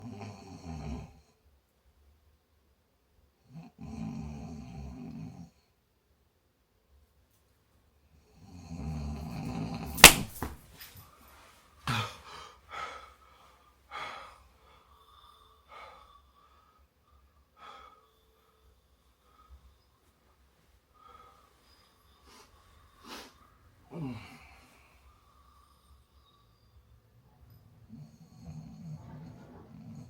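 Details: Snoring from a sleeping man: loud, low, rattling snores in bursts every few seconds, with a long quiet stretch between.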